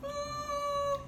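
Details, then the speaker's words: Vocal imitation of wheezing, not a real patient: a thin, steady, high whistling tone likened to a kitten's mew, illustrating the sibilant wheeze of a patient in bronchospasm heard on ICU lung auscultation. "agora tem uma ausculta pulmonar que é perigosa que é o nosso paciente que está em broncoespasmo que está sibilando quase que esse barulho da minha voz"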